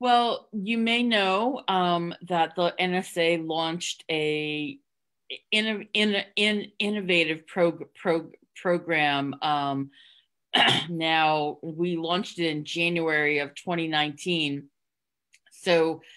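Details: Adult woman with real stuttering who hid it for close to 30 years through avoidance (covert stuttering) before stuttering openly; stuttering.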